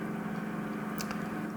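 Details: Endoscopic ear microsuction of wax trapped behind a shed-skin false eardrum covering the ear canal: steady low suction roar with a brief crackle as the last wax is drawn out.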